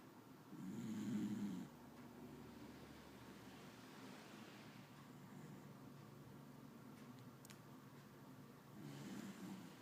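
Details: Snoring: two low rumbling snores about eight seconds apart, with quiet room noise between them; ordinary snoring.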